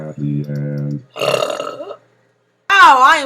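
A few short, low, croaking burps followed by a pause and a brief voiced sound; belching in a quiet room.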